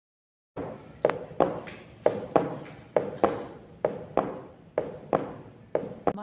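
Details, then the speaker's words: Simulated normal heart sounds for demonstration: crisp paired lub-dub (S1 from atrioventricular valve closure, S2) at about 64 a minute in a normal rhythm. "now with the help of an experiment let's demonstrate normal heart sounds and various cardiac murmur"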